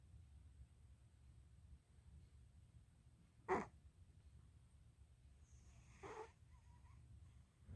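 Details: Elderly, overweight black cat snoring while asleep, owner unsure whether from obesity or a blocked nose: soft low rumbling breathing, sudden snort, later squeaky snuffle; sometimes suddenly stops breathing with a choking sound.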